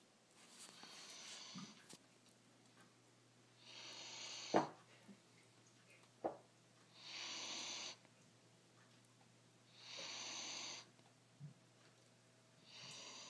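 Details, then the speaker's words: Light snoring in sleep: soft airy snoring breaths about 20 times a minute with a few faint clicks between, as someone asks whether the sleeper is snoring. "Wait, are you snoring? Are you snoring?"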